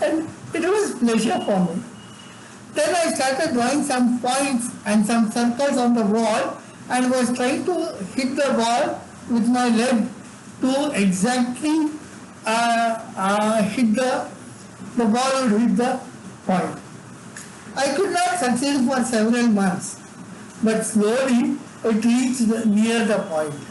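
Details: Adult man with severe cerebral palsy from birth, involuntary tremors in all parts of his body, unable to talk until age eight; dysarthria in cerebral palsy.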